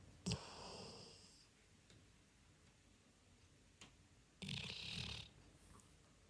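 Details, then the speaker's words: Two snores from a pet named Sage asleep on a sofa beside the owner during an afternoon nap, each a rough, fluttering breath with a thin whistling edge, separated by quiet breathing; loud enough to wake the owner: snoring. "セージと一緒にソファーで昼寝していたら、セージのいびきで起きました"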